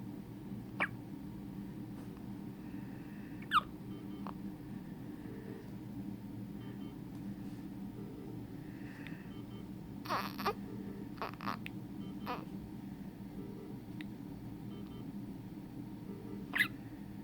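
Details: Baby girl born at 28 weeks by emergency C-section for preeclampsia, now 1 month old: soft, sharp, irregular hiccup clicks over steady room hum.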